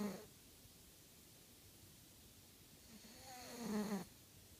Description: Oliver the cat snores in his sleep.